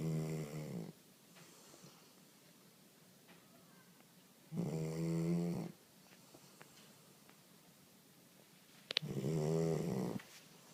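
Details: Female sleeper snoring: three loud, buzzing snores in about ten seconds, with quiet pauses between them; ordinary snoring.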